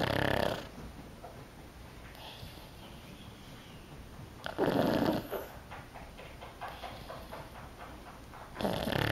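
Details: Otis, a sleeping pug (flat-faced dog) and habitually very loud snorer: loud, harsh snorts at the start, middle and end, with fluttery noisy breathing between them; snoring.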